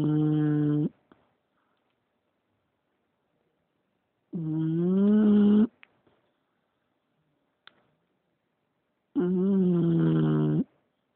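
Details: English Bulldog snoring: three loud, drawn-out, rattling snores about five seconds apart with silence between, roughly 12 breaths a minute; typical flat-faced dog snoring.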